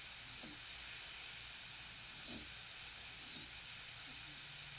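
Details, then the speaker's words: High-speed dental drill cutting a full gold crown preparation on tooth 30, burr parallel to adjacent tooth, margin kept close to gingiva; steady high-pitched whine, pitch dipping repeatedly as burr loads. "I'm going to keep the margin as close as I can to the gingiva, keep the end of the burr right at the margin."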